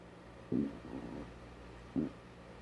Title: Me rugen las tripas porque aún no desayuno 🥣 - empty stomach growling